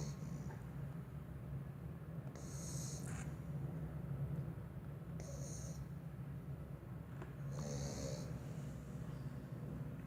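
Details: Snoring from a sleeping pit bull puppy, deeply asleep with its tongue out and eyes rolled back: a steady low rumbling snore with soft hissing breaths, near 20 breaths per minute.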